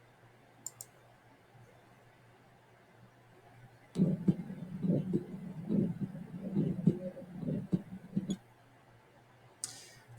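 After a quiet stretch, about four seconds of low, rough whooshing with rising and falling surges is heard over the neck: a carotid bruit.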